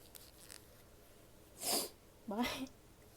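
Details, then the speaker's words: A woman sneezes after soft sniffs, first a hissing sneeze and then a more voiced one, which she says looking up always triggers; a recording that also has coughing and nose blowing; sneezing. "look up because it always makes me sneeze."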